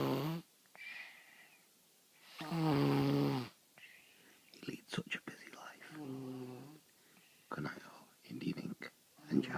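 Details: Four-year-old boy snoring while asleep: loud, rough snoring breaths separated by quieter breathing and soft whispery sounds in a quiet room.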